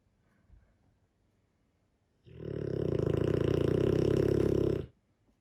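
One loud, rumbling, fluttering snore lasting under three seconds, from a large sleeping dog.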